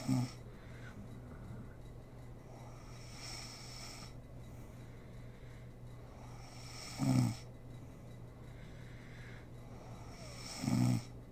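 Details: Snoring from a sleeping mother: soft breathing with two short, rattling snores near the end, under faint room noise.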